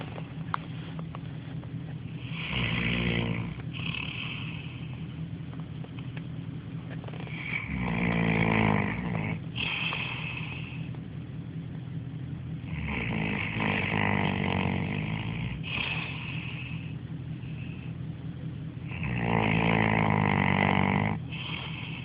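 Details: Loud, rattling snoring from a sleeper in four bursts about every five to six seconds, with quieter breathing between.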